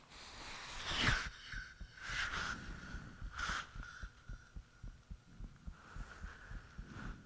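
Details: Self-recorded heartbeat with fan off, taken shortly after the heart began feeling unusually thumpy: slow, somewhat irregular low thumps about 45 a minute with faint higher clicks and whooshing under steady hum; valve sounds reportedly audible, high-pitched noises near the end.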